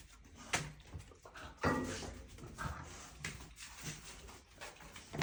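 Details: A dog gives two sharp, explosive nasal sneezes, with softer snuffling and faint whimpering between them; sneezing happens every morning.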